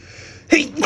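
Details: Itchy, slow-building sneeze: a quiet breathy build-up breaks into a single forceful sneeze.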